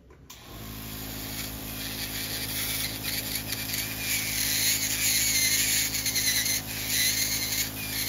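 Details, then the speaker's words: Podiatry rotary nail grinder on a thick toenail of a retired patient with a hammer toe and a deep corn on the toe tip: steady high-pitched motor whine with a low hum, rising as the burr bites. "yeah so this thing is really thick here and then and we're going to cut it and grind it and make it look nice today"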